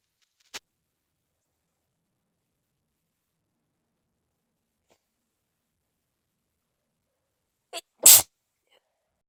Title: Some wet sneezes...should I try stifles?